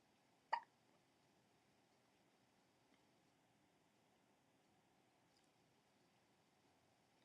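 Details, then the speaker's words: Single sharp, brief hiccup from a baby who may be hiccuping to sleep, followed by near silence with faint room noise; infant hiccups. "Are you gonna hiccup yourself to sleep?"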